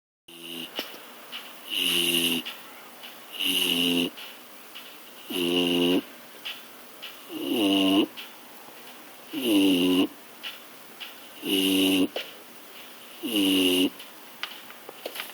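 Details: A sleeping bulldog snoring: loud, regular rattling snores with each breath, about 30 a minute.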